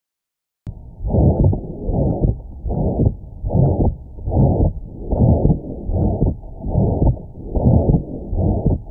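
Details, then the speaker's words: Auscultation example of ventricular septal defect (left-to-right shunt): regular harsh whooshing murmur filling each beat at about 75 per minute; VSD murmur. "You can hear an example of what a ventricular septile defect sounds like here in this audio clip."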